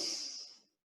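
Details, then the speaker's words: Harder huffs held for longer after a deep breath in through the nose, demonstrated by a respiratory physiotherapist with hands in front of the face: a forced expiration technique that may provoke coughing. "now these are just going to be held for longer and it will agitate the Airways a little bit more so you may find that you coffee little bit more on that"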